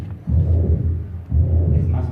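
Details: Veterinary (dog or cat) mitral regurgitation murmur: systolic and plateau-shaped, with almost the same intensity throughout. Recorded with a phonocardiogram alongside an ECG. Caused by blood regurgitating into the left atrium through the insufficient mitral valve.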